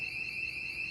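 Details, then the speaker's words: Ventilator low-pressure alarm: continuous high-pitched siren-like orange alarm from a Hallowell ventilator connected to a reservoir bag as practice lungs; no pressure generated in the circuit. "the machine is saying hey you turned me on you're asking me to ventilate a patient but I am not generating pressure in this circuit so"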